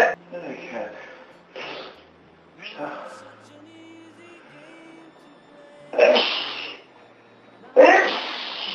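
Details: Quiet breathy sounds, then two forceful sneezes from an adult man who has had a cold for about three days, low background music; sneezing with a cold.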